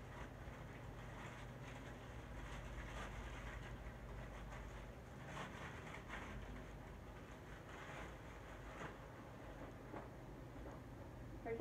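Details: Continuous low motor rumble with steady mechanical hum from a portable suction machine, during a nursing student's oropharyngeal and nasopharyngeal suctioning demonstration on a mannequin, near the end of the procedure before the machine is switched off.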